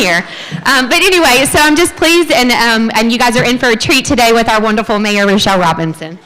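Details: Adult woman speaking; Normal voice.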